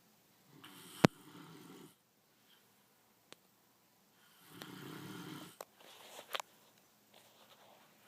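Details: Adult man (a father) snoring in his sleep: two low, fluttering snores on breathing in, with a few sharp clicks and quiet room noise.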